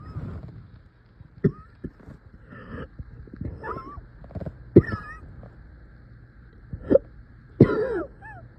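Several short, harsh cough bursts with strained throat sounds and groaning between them; painful coughing.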